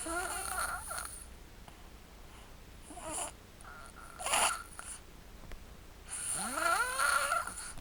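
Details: Sleeping and snoring: irregular soft snorty snores with squeaky, whistling pitch slides between quieter breaths.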